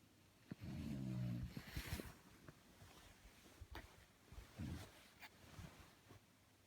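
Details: Snoring: a low rattling snore on a breath in, followed by quieter irregular breathing noises with some background noise.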